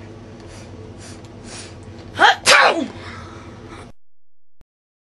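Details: Sneeze set off by burning frankincense and myrrh incense stinging the nose: a quick inward catch of breath, then one sharp explosive sneeze over faint room noise; sneezing.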